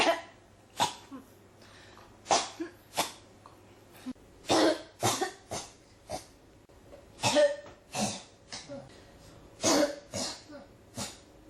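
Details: Coughing that won't stop (ASMR-tagged recording): about a dozen separate short coughs and throat-clearing bursts with quiet gaps, some in pairs; repeated cough.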